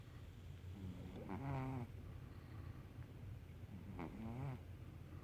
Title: Scooter snoring